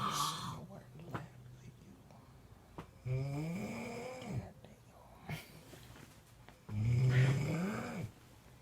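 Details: Snoring: two rumbling, vibrating inhalations with quiet pauses between them.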